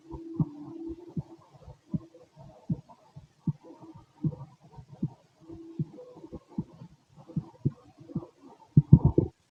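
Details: Steady low heartbeat thumps through a stethoscope on the chest, about 80 a minute, with gurgling sounds over them.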